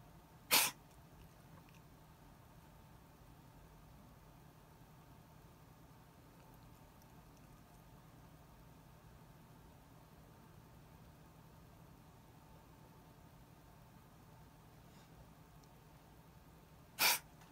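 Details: Sneezing from a small pet animal whose owner asks whether it caught a cold: two sharp sneezes, far apart, in a quiet room.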